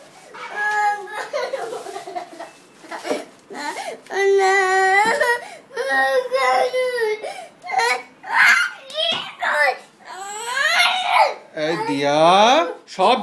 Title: Crying